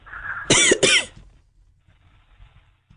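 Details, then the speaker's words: Two quick, harsh cough bursts back to back from a comedy podcast caller answering "cough once for yes"; acted for comic effect; caller possibly has an upper respiratory infection, not seen by a doctor: cough. "It sounds like you're having a coughing problem. Are you all right? Is this a medical emergency of some sort?"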